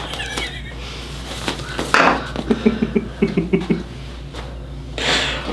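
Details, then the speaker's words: Pregnant woman's chiropractic Y-strap back adjustment: burst of rapid sharp spinal joint pops, then exhaled vocal reaction; she reports feeling the last vertebra open, after neck tightness. "I felt that like that last vertebrae I really felt that I haven't felt that open since my childhood"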